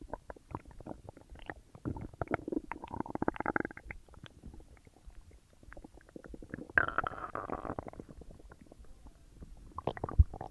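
Continuous gurgling, bubbling and rumbling from the belly, with longer growls among rapid pops: active digestion sounds after a large meal.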